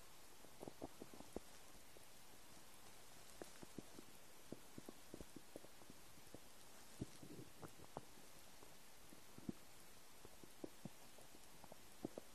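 Scattered soft gurgles and pops over a steady hiss, an empty stomach rumbling.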